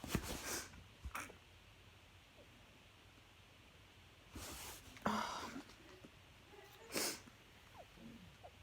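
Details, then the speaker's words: A run of sneezes heard as several short, sharp bursts of air with quiet gaps between them, in an adult who has been eating pizza while tipsy and swearing between sneezes. "Oh, here we go. Here another fucking sneeze. Fuck you, fuck you, fuck you."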